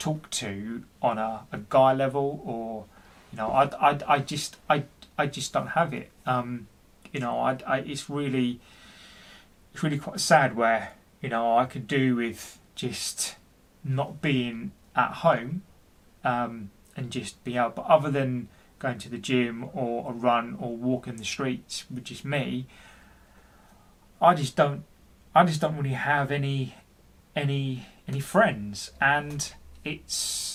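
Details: Adult man, 40, who stutters and has been experiencing depression, speaking with repetitions in a personal story; stuttering.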